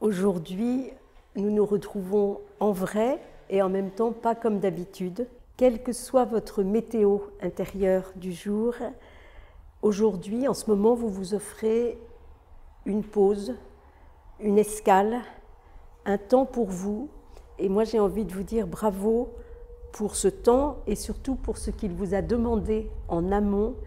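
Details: Adult woman; typical speech.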